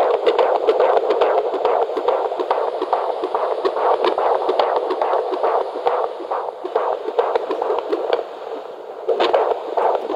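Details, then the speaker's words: Fetal Doppler at 32 weeks of pregnancy, doctor's office: fast, regular whooshing heartbeat around 120s–140s (about 140 bpm), good and strong; normal fetal heartbeat. "120s to 140s. Okay. A good strong heartbeat. The old wise would say 130s."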